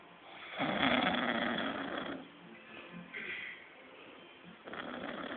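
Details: Sleeper's loud, rasping snores, two strong ones within a few seconds, with quieter breaths between, on a muffled recording; snoring.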